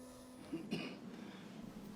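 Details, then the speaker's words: Two short, quiet cough bursts from an elderly man with bronchiectasis, persistent productive cough with thick sputum and breathlessness that worsens at season changes. "가래와 기침이 끊이질 않아 대화를 이어가기 심지 않은 할아버지 숨쉬기가 힘들어 1km 같기도 죽지 않습니다"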